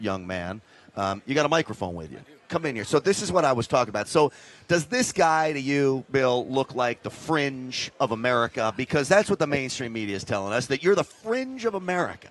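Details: Adult man speaking; Normal speech.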